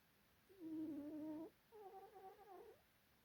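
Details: Soft, nasal, slightly whistling breaths from a cat named Tim in very deep sleep; gentle snoring.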